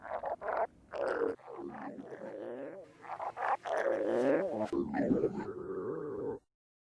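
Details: Stomach growling (borborygmi) from a woman.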